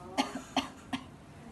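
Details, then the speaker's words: Acted nursing demonstration of effective cough technique: seated woman takes a breath, then gives three short deliberate coughs to clear phlegm and secretions from the throat. "Sebelumnya nanti langsung saja ibu batukan tanpa menghirup nafas terlebih dahulu ya ibu."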